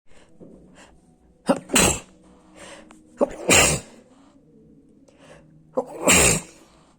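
Three sneezes, each a quick inward gasp followed by a loud, sharp burst of air; ordinary sneezing.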